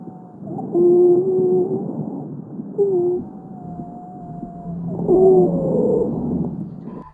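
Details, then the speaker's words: Lung-sound example: high-pitched musical, whistling tones recurring with each breath over noisy breathing, heard over most of the chest and transmitted to the mouth: wheeze. "es una sibilancia la sibilancia se caracteriza por ser de tonalidad aguda se localiza en la mayor parte del tórax y se transmite a la boca"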